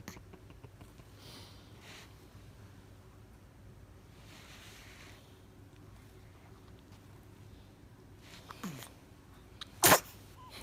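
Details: Newborn baby girl 24 hours after birth, born at 2994 g: quiet breathing and small sniffles, then one sharp, loud sneeze that startles her; an ordinary newborn sneeze.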